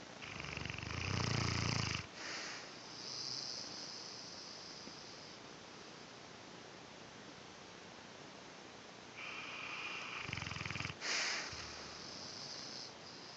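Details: Quiet snoring in sleep: two soft rumbling snoring breaths about nine seconds apart over steady background hiss.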